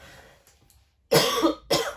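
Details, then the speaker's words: An unwell, sick adult gives two forceful, harsh coughs in quick succession, part of a coughing fit while doing a craft. "écoutez j'ai une quinte de toux donc je vais finir cette guirlande et puis je vous retrouve en face vite fait"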